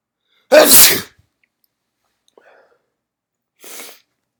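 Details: Induced sneezing, some coming in doubles: one loud, wet, powerful explosive sneeze, then a softer second sneeze a few seconds later.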